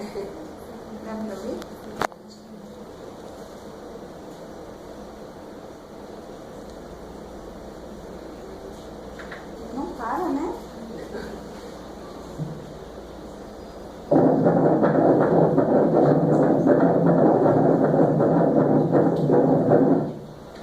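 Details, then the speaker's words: Normal fetal heartbeat on Doppler during a morphology ultrasound at 21 weeks 6 days: after quiet room sound, a rapid regular whooshing pulse at 148 bpm, fetus in left pelvic position. "Frequência 148 BPM, tá normal."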